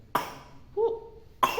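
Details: Young child, sick with a cough and lying down with his father: two short, harsh coughs with a brief voiced sound between them.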